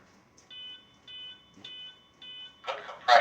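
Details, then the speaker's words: Metronome beeping at about 105 per minute from a ZOLL defibrillator during CPR training, setting the chest compression rate for the rescuer; follows feedback prompts on compression depth ("push harder", "good compressions"); brief noise at end. CPR metronome. "that sound you're hearing is a metronome that's the ray how fast we want to be to going how fast we want our rescuer to be going on their compressions"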